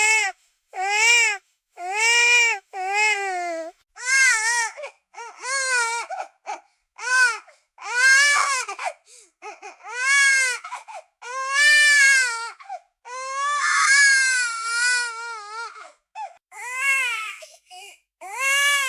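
A newborn cries in repeated high-pitched wails separated by brief breaths.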